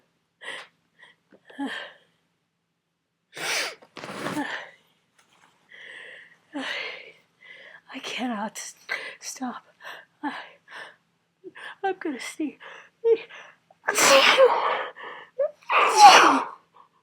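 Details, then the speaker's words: Sneezing from a cold, part of a long run: repeated sneezes with gasping in-breaths and short pauses, ending in two loud sneezes. "I'm G to see you see to [Music] sneeze I'm G to sneeze [Applause] that's 32 I think it's getting hard to keep track"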